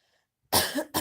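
A single short cough after a moment of silence, followed by a brief second burst; an ordinary cough.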